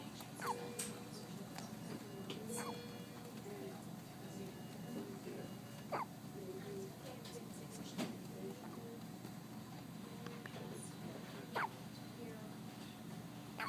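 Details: About five or six brief, sharp hiccups at irregular intervals over steady room hum, from an infant in the NICU after a feed; hiccups.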